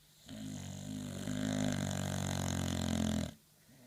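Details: Snoring during sleep: one long, loud, rumbling expiratory snore of about three seconds.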